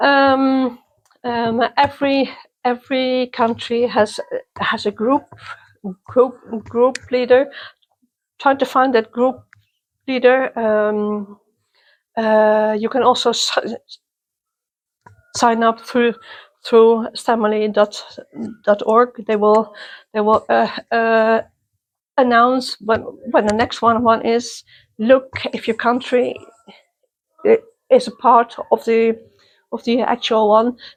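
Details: Person who stutters, interviewed at a youth exchange for people who stutter or clutter; part-word and word repetitions; stuttering.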